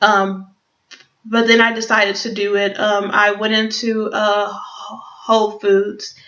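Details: Adult who stutters, speaking English; stuttering.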